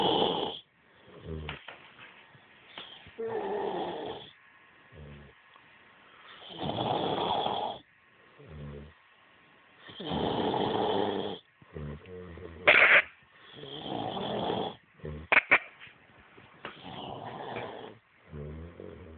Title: Drunk eyes, snoring